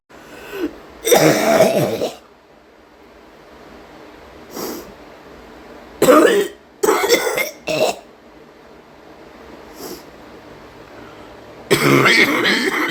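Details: Female hard coughing: several harsh, forceful coughs in separate bursts, some in quick pairs, with quiet breaths and throat clearing around them.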